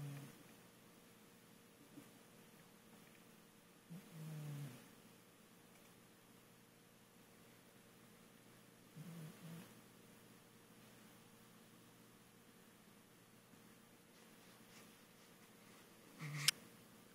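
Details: A hefty male cat snores softly while asleep, with quiet rumbling noises on its breaths against a still room.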